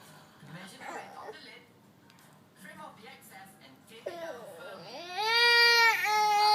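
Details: A 6-month-old infant crying: soft fussing and whimpers, then a rising cry with a clear, strong tone; an ordinary baby cry.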